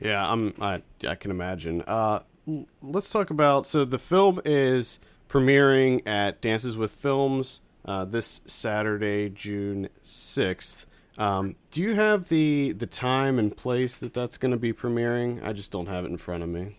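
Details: Adult male speaker; Normal conversational speech.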